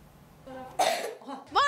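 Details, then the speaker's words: Child with a persistent, long-lasting cough and long-standing allergy, who coughed a lot on waking this morning, gives a single harsh, fairly loud cough burst followed by a short voiced sound; persistent cough. "Sabah bugün kalkınca çok öksürdü çok öksürdü nasıl böyle balgam da geliyor mu"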